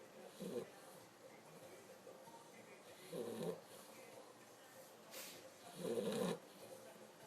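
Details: Female pitbull, tired and asleep, snoring: soft, low snores with quiet gaps between breaths, about three snores in seven seconds.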